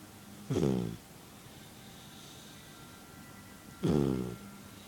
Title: My little snoring puppy